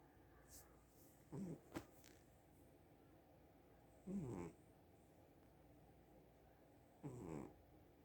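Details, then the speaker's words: Cat snoring while asleep: soft, low snores, about 21 a minute, over quiet room noise. "Sophie snoring. Yes, my cat snores."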